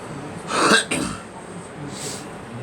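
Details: Two quick harsh coughs in close succession, then a breath in, from a girl coughing.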